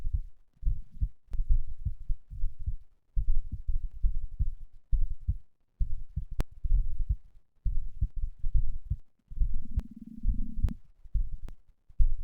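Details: Heart sounds recorded after exercise (third session): low, clustered heart thumps with some rubbing noise; normal heart sounds.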